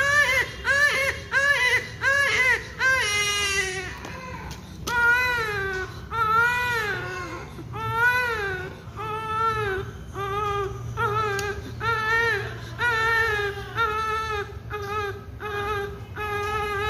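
Repeated rhythmic bursts of strong, high-pitched crying from a premature newborn, a pain cry during cannula insertion.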